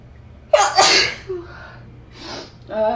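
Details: Person: one loud explosive sneeze followed by a softer second one, then the start of speech; sneezing.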